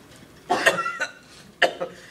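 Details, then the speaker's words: Simulated role-play patient, ill for over a week, acts out two short bursts of rough, slightly wet coughs in a quiet room, imitating a productive cough; reports self-medicating with Benadryl, Sudafed and a cough product. "Sorry. I have a really bad cough and stuff just keeps coming out. It sounds like it."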